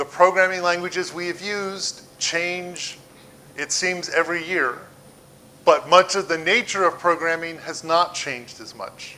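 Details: Adult man; typical speech.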